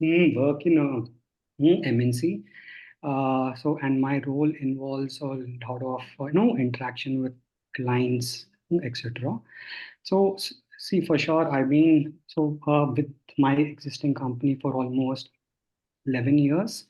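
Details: Adult man who stammers, working in a client-facing role, speaking in a podcast on stammering; stuttering.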